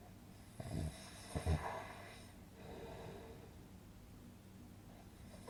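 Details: Relaxing snoring sound-effect recording for sleep: low rattling inspiratory snores with quieter out-breaths between; snoring.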